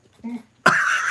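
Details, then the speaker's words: Smoker whose cough has not fully cleared: a soft murmur, then one abrupt harsh cough burst trailing off in a rough, noisy exhale, a single lingering cough. "So you hear the cough. Yep. I still haven't gotten totally rid of the cough. And the smoking still doesn't help it."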